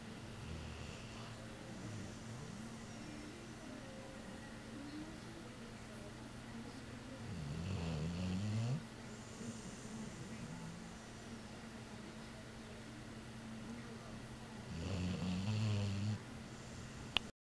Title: Snore~~~